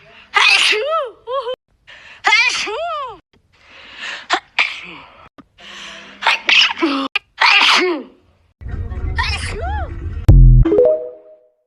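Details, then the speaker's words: Compilation of sneezes, each a quick in-breath then an explosive burst, from different people, with music and talk between; captioned as a woman with a cold recording her own sneezes. "yo resfriada grabando mis estornudos"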